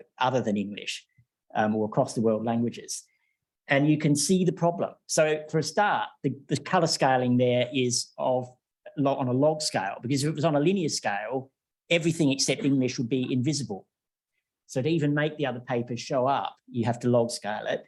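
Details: Adult male lecturer; Normal adult speech.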